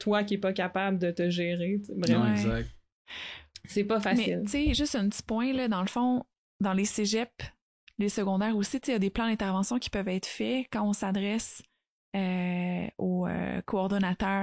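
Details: Adult woman speaking French; no speech disorder.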